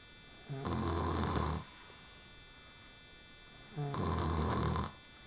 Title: snoring woman